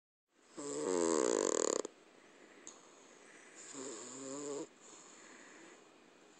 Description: This is our cat, Duchess Roadkill, asleep in my arms as I was sitting on our couch. Her snores are absolutely incredible.